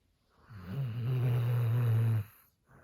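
One long, low, droning snore lasting about two seconds from a sleeping dog; snoring.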